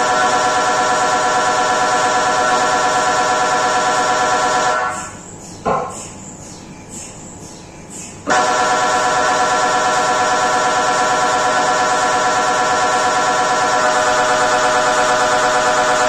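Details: Recorded inside the MRI scan room during brain imaging: a loud, steady, rapid buzzing drone, briefly broken by a quieter pause, then resuming; ordinary MRI scanner noise.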